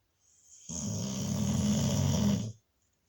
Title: Diva the Snoring Pitbull